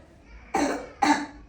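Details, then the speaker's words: Two harsh, barking coughs from a girl, croup-type cough described by a pediatrician as recurring in spring, especially in children with allergies. "Bu inaq tipli öskürəkdir. Mövsümü bu yaz mövsümündə xüsusə də allergiya problemləri olan uşaqlarda inq təkrarlayır."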